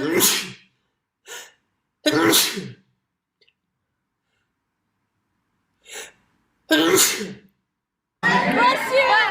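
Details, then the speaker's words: A string of sharp, forceful sneezes, each with a brief in-breath before the burst, then a voice. "if I saw you heaven and you keep sneezing and you're just sneezing and sneezing and you can't stop sneezing that was me yesterday"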